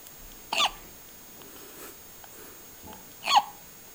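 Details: Five-day-old baby hiccuping: two brief, sharp bursts about three seconds apart; hiccups.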